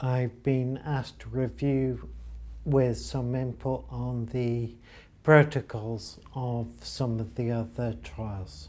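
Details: Patient with ataxia diagnosed 10 years earlier after noticing speech deterioration and difficulty walking downstairs, confirmed by blood tests; ataxic dysarthria.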